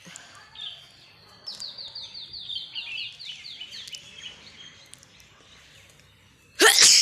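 Birdsong outdoors, then one sudden loud, hissing burst at the end consistent with a single sneeze.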